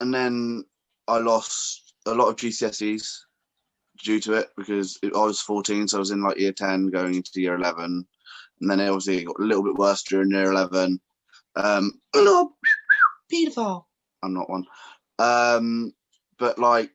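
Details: Man with Tourette syndrome, tics triggered by heightened emotions, also with functional neurological disorder after tic attacks and dissociative identity disorder; Tourette syndrome vocal tics.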